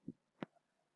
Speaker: the heart sounds for the first one you will listen love and the second one you will listen dumb so like that when you see the heartbeat when you listening the heartbeat the sound will be love dub lub dub like that